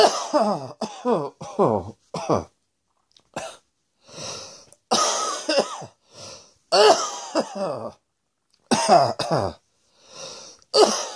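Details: Adult acted coughing: a long series of short, voiced, hacking coughs in quick clusters, separated by brief pauses and breaths.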